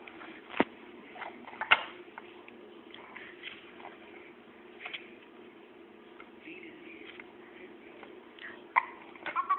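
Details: Infant hiccups while playing in a walker: short, sudden catches of breath at irregular intervals over faint babbling and room noise.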